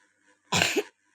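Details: A single short, harsh cough from an adult in a quiet small room, with a brief throat-clearing quality at its end.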